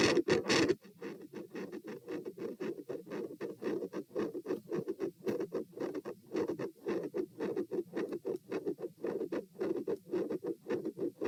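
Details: Heart sounds recorded at position P, standing then lying: repeated harsh, scratchy whooshing in quick succession with no clear quiet gaps, a loud escalating murmur.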